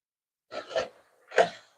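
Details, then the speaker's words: Adult cough during a live cooking stream: a brief run of about three short coughs, two close together then one more, in a small quiet room. "You can hear my cough in 4K now. That's funny."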